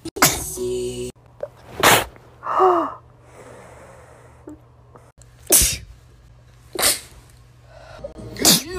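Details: Sneezing compilation: several loud, forceful sneezes, some preceded by a drawn-in breath, over background music.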